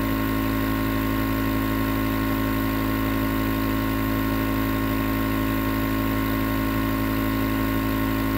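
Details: Continuous nebulizer compressor running, recorded as white noise for sleep: steady, unbroken mechanical hum and buzz, with no breathing or voices heard.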